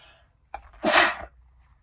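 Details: Sneeze: a quick inward catch, then one loud, wet, explosive sneeze lasting about half a second.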